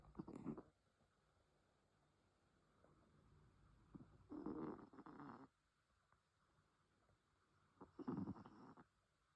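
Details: Pet named Penelope asleep, giving three loud, rattling snores about every four seconds, near 15 a minute, with quiet breathing between: snoring.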